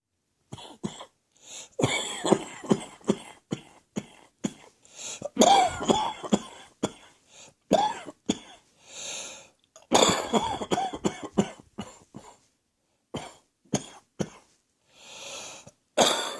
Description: This cough is definitely heading for my chest.